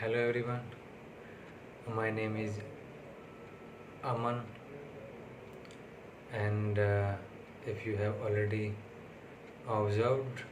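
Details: Stammering in an adult man recorded on day six of speech therapy, speaking alone and fairly fluently here, though he reports being less fluent in real conversation; finding: stuttering.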